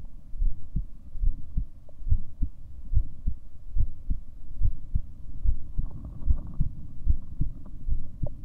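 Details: Seven-minute recording of the person's own heartbeat: steady low thumping at about 71 beats per minute with a faint constant background hum; heartbeat sounds.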